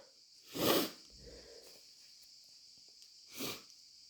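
Two forceful, wet-sounding sneezes about three seconds apart, the second softer, against quiet outdoor insect noise.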